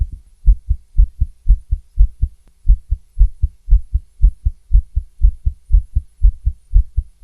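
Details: Rapid female heartbeat through a stethoscope, about 118 a minute, with occasional pauses where a beat seems skipped; tachycardia with skipped beats.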